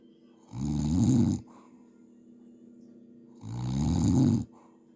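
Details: Adult man (uncle) snoring on New Year; two loud rumbling inspiratory snores, each about a second long and about 3 seconds apart, over a steady background hum.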